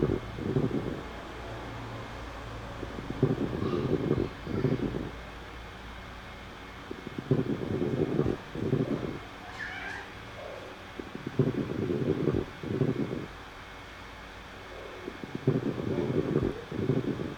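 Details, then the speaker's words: Stethoscope lung sounds in a teaching example, with a rough, bubbling crackle during breaths at about 15 breaths a minute; described as due to pathological fluid in an abscess cavity communicating with the bronchi: coarse crackles. "coarse crackles they happen when the when there is pathological fluid in cavity of an abscess which communicates to the bronchi so it sounds like"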